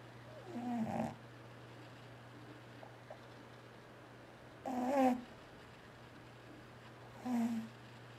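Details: Sleeping cat giving three loud, rough snoring breaths spaced a few seconds apart over a steady low hum; the cat also twitches while dreaming and roars on waking. Ordinary snoring.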